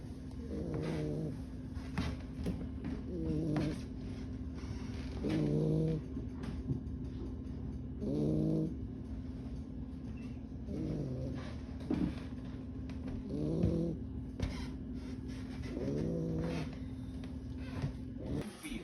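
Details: Snoring from a sleeping 2-month-old pit bull–boxer mix puppy: soft, rhythmic rattling snores, about seven in 18 seconds, over a steady background hum.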